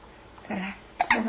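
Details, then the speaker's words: Hiccups in an infant after crying: soft babble followed by two quick, abrupt hiccup catches, with the mother noting the baby is still hiccuping. "哦妈妈，打完这怎么还在打嗝呢？"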